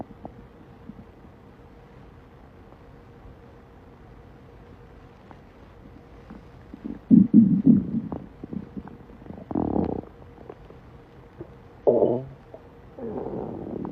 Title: Male stomach growling - on TikTok